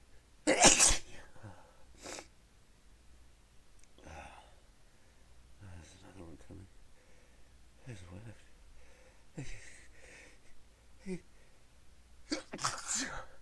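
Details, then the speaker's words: Someone trying to stifle their sneezes and unable to stop: one loud sneeze, then several partly stifled sneezes with faint sounds between, and another loud sneeze at the end. "Oh man, I can't stop. Sneeze. Fuck. Just keep coming."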